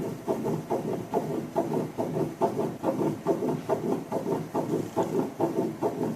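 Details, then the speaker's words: Fetal heartbeat picked up by Doppler and played during a talk on fetal development: rapid, regular whooshing pulses at about 140 a minute. "또 임신 6주 부터는 2 토플러 를 엄마 패드 되면 아기의 심장박동 소리가 흑 되죠"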